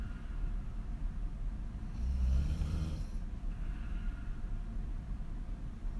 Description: Extreme female snoring on her back with wide open mouth